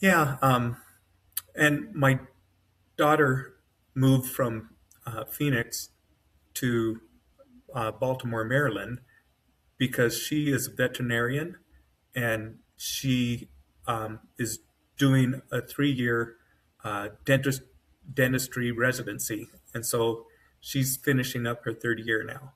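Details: Adult man with mild-to-moderate aphasia after an AVM brain hemorrhage, surgery and a 10-day medically induced coma. He woke with right-side paralysis, has foot drop, and finds it sometimes difficult to get words out, with his brain working faster than his mouth.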